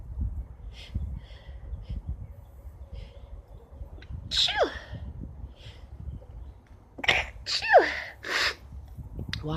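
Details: Several forceful sneezes, one early and then a quick cluster, over rustling noise, from a person after painting in a bathroom on a hot spring day, with allergic irritated tears; sneezing.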